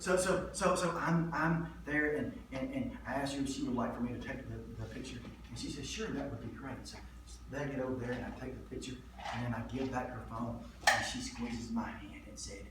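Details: Adult man with stuttering, with audible word repetitions: stuttering.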